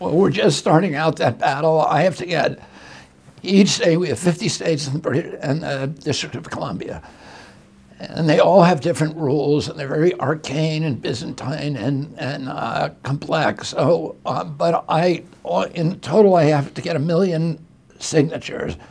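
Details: Adult male with spasmodic dysphonia, which he says began at age 42 in 1996 after a neurological injury. He attributes it to his brain sending wrong signals to his vocal cords, not to the cords themselves. Real interview speech.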